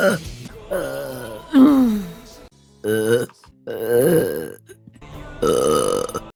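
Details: Female live-streamer burping compilation: several loud, drawn-out voiced belches in a row over background music; repeated burping.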